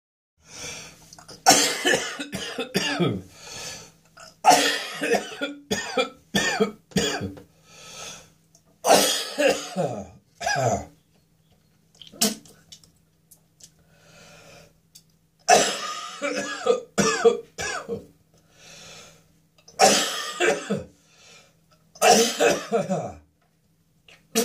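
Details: Adult with a throat infection: repeated harsh, rough, tickly coughing fits with throat clearing, gagging and spitting.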